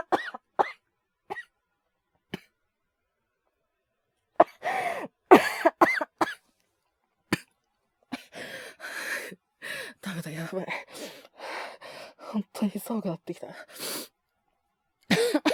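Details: A male voice actor performs simulated coughing fits, with bursts of short, harsh coughs, throat clearing and pauses between them, acting a man with fever.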